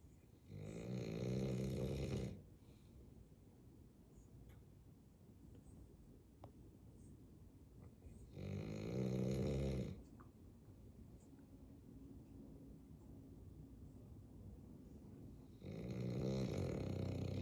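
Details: Bulldog asleep and snoring: loud, rattling snores on each in-breath, about eight breaths a minute, with a quiet, steady rumble between them.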